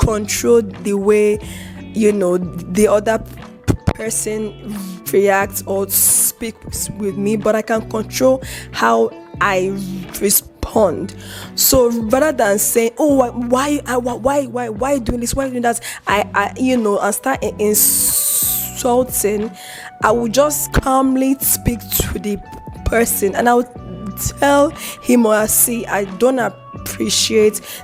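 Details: Adult woman who says she has a stutter, answering a question about stuttering when angry; stuttering.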